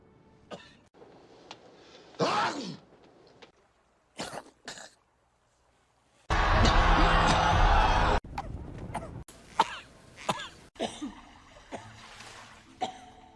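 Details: Simulated cough: acted film coughs and throat clearing in short bursts, cut together from movies with background music and noise.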